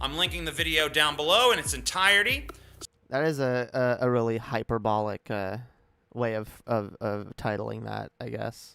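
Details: Streamer who self-reports stuttering, with repeated words and phrases; real stuttering.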